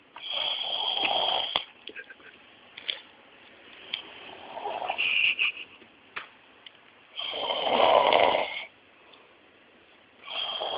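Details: Person sleeping calmly and moving his lips while snoring: loud rattling snores recurring with breaths, softer breathing and some clicks between; snoring.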